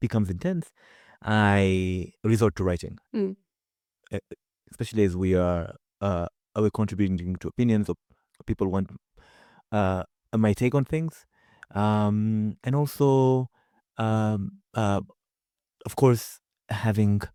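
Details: Man with his own real, non-acted stutter, heard in a conversational stretch with repeated fillers and pauses; stuttering.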